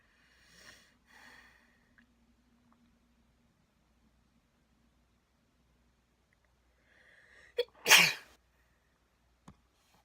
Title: Induced sneezes ;)